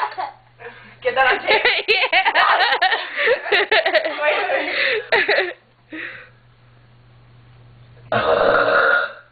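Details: Burping after eating: a long, loud, deliberately drawn-out burp with a rumbling, wavering tone, then a shorter second burp after a pause, followed by a complaint of a gross taste; burping.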